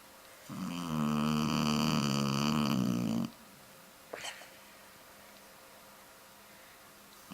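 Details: Shar-Pei dog snoring: a single long, droning snore of about three seconds, then a brief snort and quiet room noise.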